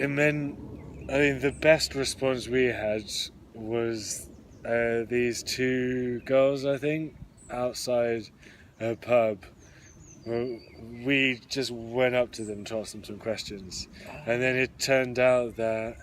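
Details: Adult who stammers: stuttering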